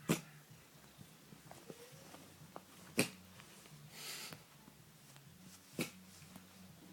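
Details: Cat coughing repeatedly, never bringing up a hairball: three sharp, dry coughs about three seconds apart with softer rasping breaths between, in a quiet room.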